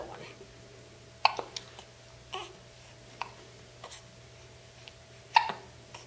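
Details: Eight-day-old baby boy being bounced by his grandmother, with hiccups: short, abrupt catches of breath repeating irregularly, about five in six seconds, in a quiet room.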